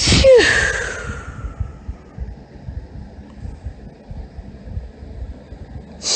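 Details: Female producing deliberately performed, girly high-pitched sneezes with hitching: a short hitching breath before a single explosive sneeze, with outdoor background noise.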